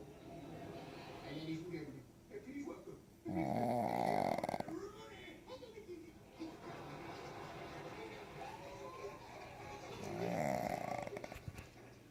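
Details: Sleeping dog snoring loudly and roughly with rattling breaths, television in the background; owner labels it sleep apnea in dogs.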